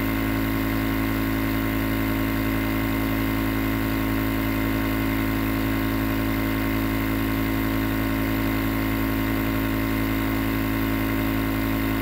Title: Nebulizer Sound White Noise for Sleep